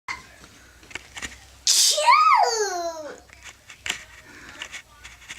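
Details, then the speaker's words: Girl pretending to sneeze (simulated): a single loud, high-pitched, dramatic sneeze-like vocal burst with a falling, squealing tail amid quiet room sounds. "You gonna sneeze? Oh, poor baby has a cold."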